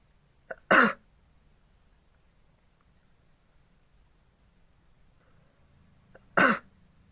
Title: sneezing in an oxygen mask